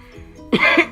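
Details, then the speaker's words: Mild cough in public, described as just a little cough, not serious. "I just coughed a little bit Burleigh it wasn't even that serious"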